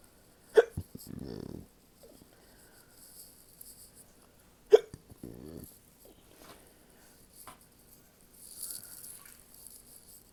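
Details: Two sharp hiccups about four seconds apart, each followed by a brief rumbling burp-like sound, with faint background noise.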